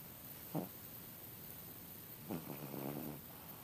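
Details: A sleeping cat snoring, with quiet snorting breaths and a soft rattling snore on one inhalation.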